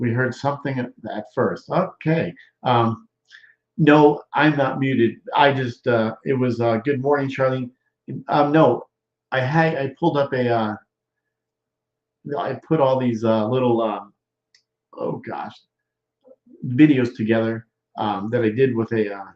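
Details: Male stroke survivor more than 13 years post-stroke with non-fluent aphasia, with word-finding difficulty, trouble with small function words and word substitutions; expressive (Broca's) aphasia.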